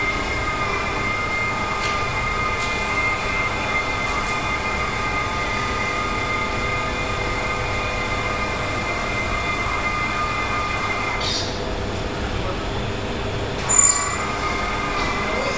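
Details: Radiotherapy linear accelerator running during a treatment session for a sudden illness in the patient's head: steady mechanical hum with a sustained whine and occasional brief hiss or clunk.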